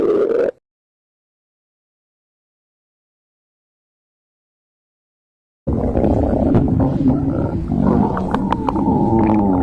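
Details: Human stomach growling: a brief sound and a stretch of silence, then a long, low, rumbling gurgle. Ordinary bowel sounds (borborygmi).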